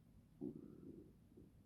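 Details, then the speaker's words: Stomach rumbling (borborygmi) from a woman at 10 weeks of pregnancy, recorded outdoors on a cold day: a low, gurgling rumble that rises and fades over about a second. "If you can hear my stomach, I'm so sorry. Like, I don't even know what to say about it."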